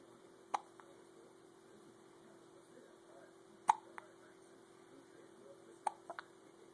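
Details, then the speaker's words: Three sharp, brief gulping clicks, each with a small follow-up, over a steady room hum; hiccups. "Well, who's got the hiccups? Hiccup."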